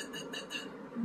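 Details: Gentle throat stirring, moving mucus around softly, demonstrated as a voice-care alternative to damaging throat clearing when swallowing or sipping water fails to stop the urge.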